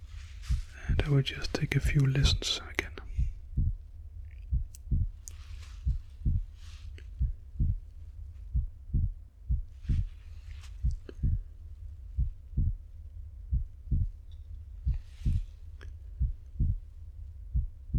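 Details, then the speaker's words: Role-play ASMR check-up by a male nurse with a stethoscope; soft whispering then steady low thumps about 45 a minute, declared totally normal; normal heart sounds, simulated exam. "So now we're done that part and there was nothing to worry about. It's totally normal."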